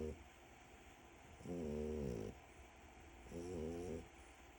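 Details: Snoring French bulldog puppy in deep sleep: two drawn-out, buzzing snores a few seconds apart, with quiet breathing between them.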